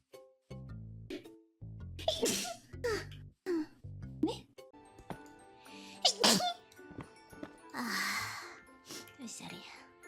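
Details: Several small, high-pitched, cutesy sneezes during a livestream with light music and chimes, partly played up for effect; the speaker apologizes and is blessed. Sneezing.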